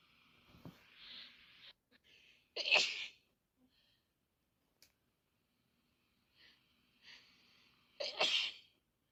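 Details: Quiet breaths, then two sharp, explosive sneezes several seconds apart, from one of two adults who both have flu; it is unclear which of them is sneezing.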